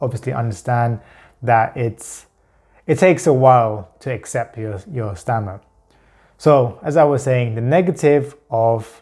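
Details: Adult man who stammers with pure blocks, unable to produce even the first sound of a word, and who substitutes words to hide blocks; stuttering (blocks).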